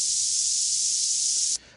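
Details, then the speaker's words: Simulated severe tinnitus, the loudest sound in the room: a loud, steady high-pitched hiss, stopping abruptly after about 1.5 seconds, described as extremely irritating, severe enough to end some musicians' careers. "then as you can hear, it can be an extremely irritating sound. So irritating, in fact, that some musicians, notably Pete Townsend, who's quite open about this, have had to stop their careers in order to treat it."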